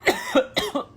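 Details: Acted imitation of a person coughing: four short, strongly voiced bursts in two pairs, like a spoken "uhuk uhuk"; imitated cough.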